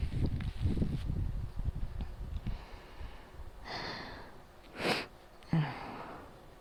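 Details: Night-time asthma attack with difficulty breathing, fan noise in background: low rustling, then a breathy, strained inhale and two sharp coughs.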